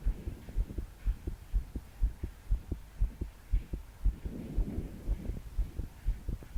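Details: 22-year-old female trying to calm her heart to sleep after deep breaths failed. Fast, forceful, regular thumping heartbeat near 120 a minute, her body shaking with each beat, faint breathing and rain behind: pounding palpitations.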